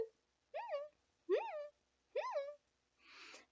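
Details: Adult woman with Tourette syndrome, who says she masked many tics; vocal tic (squeak).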